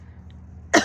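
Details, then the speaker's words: Cough with chest congestion from an adult who reports feeling congested in the chest after a walk: a single short cough after quiet room hum. "Yeah, I know y'all can hear me every time I cough. You could hear the congestion, so."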